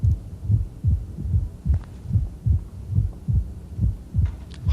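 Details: Mitral stenosis opening snap: regular heartbeat near 73/min with a sharp, high-frequency, discrete extra sound just after the second heart sound.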